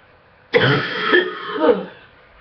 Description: coughing in the morning while sick eww waiting on my meds to kick in